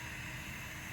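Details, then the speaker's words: Steady hissing rush of oxygen from a tank regulator dialed up to 15 L/min while setting up an infant CPAP system with an anesthesia inflation bag; oxygen flow from tank regulator. "So now your oxygen should be off. You turn it on right here. So turn it on righty-tighty, and then right here, dial it up."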